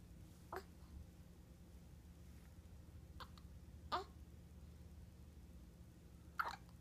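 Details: Squeaky hiccups from a one-week-old, four brief squeaky hiccups a few seconds apart over a steady low background hum.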